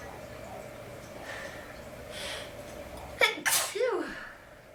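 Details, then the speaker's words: Stuffy person with a horrible cold, deliberately making themselves sneeze; a breathy build-up, then one forceful sneeze with a trailing vocal release. "That was a sneeze. Phew."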